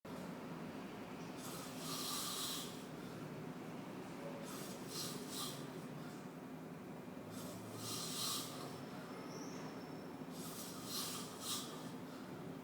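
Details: Breathy, hissing snores about every three seconds from a sleeper on a moving downtown 2 local NYC subway train toward Flatbush Avenue, over steady train rumble: snoring.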